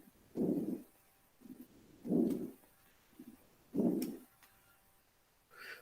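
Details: Crackles recording played over a room speaker in a COPD and asthma lecture: repeated short bursts of rough, crackling breath noise, with a man's voice cutting in at the end; crackles.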